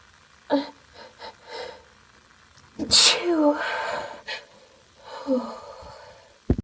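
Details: Sneezing, female: several catching breaths build to a loud sneeze, then a softer second sneeze.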